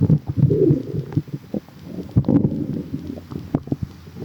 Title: water in tummy | stomach growling